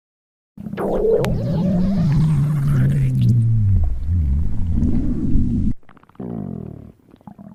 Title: Random Stomach Growling 😋 😜